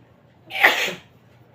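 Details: One brief, hissing, deliberately induced sneeze against a faint low room hum.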